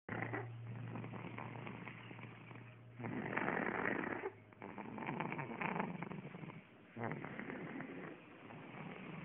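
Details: Tired child sound asleep on a couch under a blanket: noisy, muffled breathing in repeated cycles over a low steady background hum; snoring.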